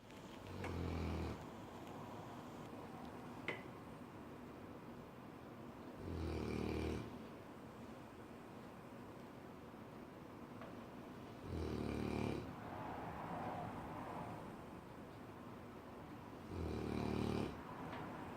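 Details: Cane Corso dog snoring loudly: deep, rattling snores about every five to six seconds, roughly 11 a minute, over a steady room hum.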